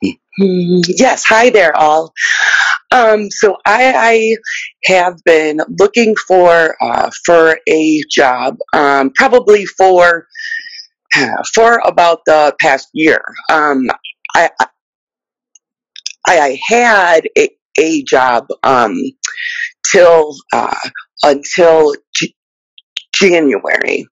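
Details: Adult who stutters and describes her stutter as mostly blocks, where at times she cannot get words out. Stuttering.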